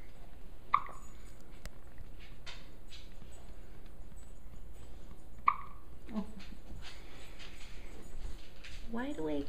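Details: Pet dog with hiccups: two sharp, brief hiccup chirps about five seconds apart against quiet room noise.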